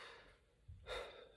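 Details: Adult man with Tourette syndrome for over 22 years, diagnosed at age seven, treated with various medications throughout life; recorded during a period he says his tics have been very bad; gasp- or snort-like vocal tic.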